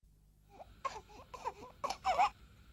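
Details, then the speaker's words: Whooping cough (pertussis) in a newborn baby: spasmodic coughing with gasping, a disease that starts with a low-grade temperature and can last up to 12 weeks. "a child gets who think of the disease develops from a low-grade temperature then declines into spasmodic coughing gasping and vomiting for up to 12 weeks"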